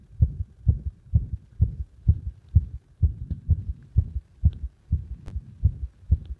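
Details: Heart sounds with arrhythmia induced by compression. Fast heartbeat of about 128 per minute with uneven spacing between beats. Irregular heartbeat.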